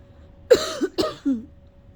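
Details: A sick adult gives a quick run of about four harsh, effortful coughs, trying to bring up phlegm without success; the coughing would not stop and brought on a headache.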